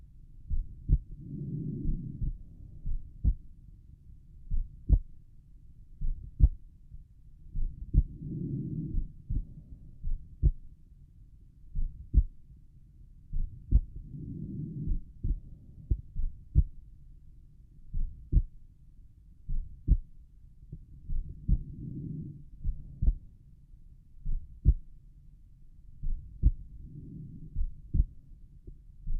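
Crisp, regular heart sounds over the pulmonic area at rest, with slow, soft breaths passing beneath them.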